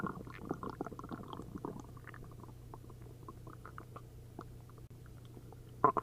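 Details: Soft, frequent bubbling and gurgling with a brief louder gurgle at the end after drinking a liter of milk and a liter of prune juice; hyperactive bowel sounds (borborygmi) of an upset stomach.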